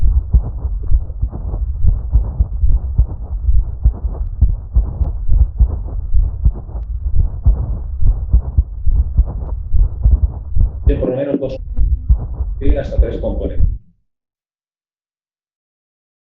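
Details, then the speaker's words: Scratchy, dry, raspy sounds repeating about 70 times a minute, heard very close to the ear and more superficial than murmurs, possibly inconstant from day to day; pericardial friction rub. "Es seco, es rasposo, se oye muy cerca, se oye mucho más cerca que los soplos, ¿no?"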